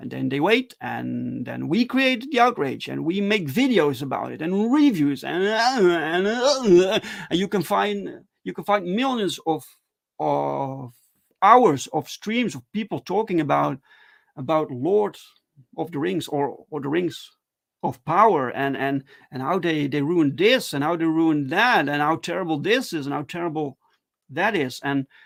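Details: Adult male with stuttering, speaking live in a solo stream; stuttering.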